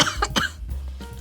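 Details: Adult coughing while eating a burnt s'more-dip marshmallow: two quick, dry cough bursts in close succession over a low steady background hum.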